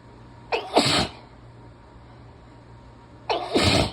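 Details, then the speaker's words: Adult with a cold having an intense sneezing fit, half-stifling the sneezes: two forceful sneezes, each with a sharp intake then an explosive burst. "didn't have time to say anything thank you whoa these are crazy crazy okay okay I'm kind of half stifling them so that they're not gonna laugh vote"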